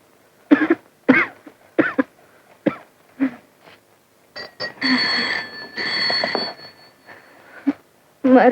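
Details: An adult actor gives a run of about six short, sharp acted coughs, followed by a telephone ringing, in a night scene from a Tamil film; cough.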